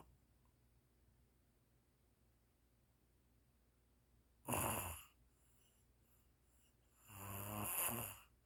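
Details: Snoring recorded June 2022: two rough snoring breaths a couple of seconds apart, the second longer and more rumbling, in a quiet room.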